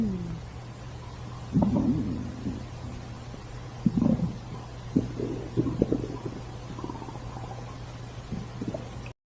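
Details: Irregular low gurgles and rumbling squeaks of a growling stomach over a steady low background hum; stomach growling (borborygmi).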